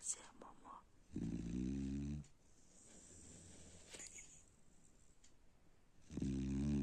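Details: Sleeping dog: two loud, low, rattling snores about five seconds apart, with quiet breathing in between; snoring.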